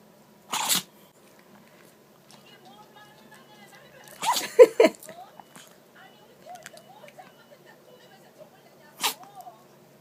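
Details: Chihuahua sneezing nonstop after pressing its nose into the carpet and sniffing, apparently getting something fine inside: three short explosive sneezes, a snorting double burst in the middle, quiet sniffling between; sneezing.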